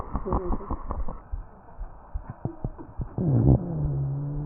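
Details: Real patient: tracheal breath sounds with crackles and rhonchi, plus coughing.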